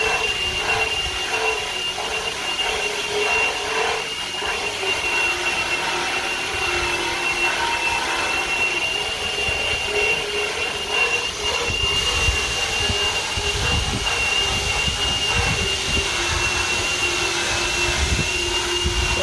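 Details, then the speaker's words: Horse at the vet, after a chiropractic adjustment and blood draw, having its teeth floated: a continuous high whining grind as a power float files the horse's back teeth, with a steady high tone throughout. "and now they are currently working on his teeth called floating floating their teeth"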